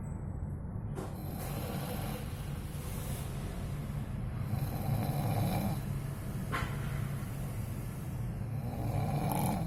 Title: Mendengkur